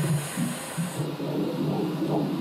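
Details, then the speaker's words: Fetal heartbeat on Doppler during a pregnancy ultrasound after a previous miscarriage; the fetus is a girl: fast, regular whooshing pulses at roughly 160 a minute over a steady hiss. "Entendre le cœur du bébé, ça peut paraître anodin. Mais pour Anne-Sophie et Steven, ce simple battement relève du miracle."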